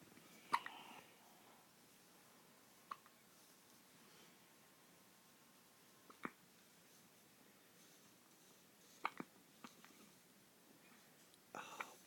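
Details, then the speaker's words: Ugly hiccups in a dog, faint abrupt little hics recurring every few seconds, about 30 a minute, in a quiet room. "there you flip it off oh you got your ugly hiccups"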